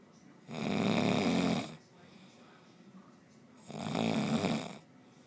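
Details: Two long, low rattling snores on the in-breath, about three seconds apart, with quiet breathing between, from a tired sleeper; snoring.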